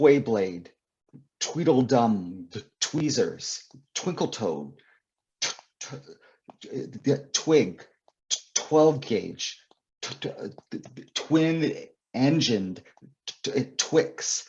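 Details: Adult male author and poet who describes himself as a person who stutters; stuttering.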